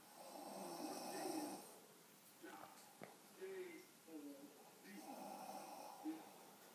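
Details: Two loud, buzzing, rattling snores on inhalation with quieter breathing and faint room sounds between, from a deeply sleeping adult.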